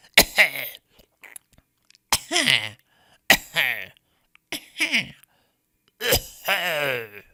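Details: Stock audio of people coughing in varied styles: five separate cough bursts, each with a sharp explosive onset and a short voiced tail.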